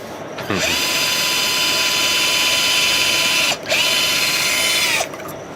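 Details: Drill runs, two steady high-pitched whirring runs a few seconds each, boring bone during live multi-ligament knee reconstruction (ACL, PCL, MCL) with suture anchors in a 29-year-old female after a road traffic accident; surgical power drill.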